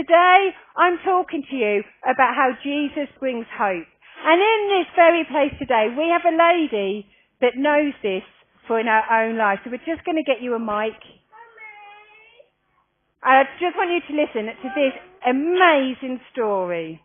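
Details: Adult speaker; normal speech.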